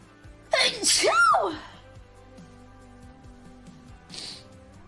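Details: Female gaming streamer with allergies, nose super tickly: one loud sneeze with a sharp intake and a high voiced release, then a soft sniff, quiet background music.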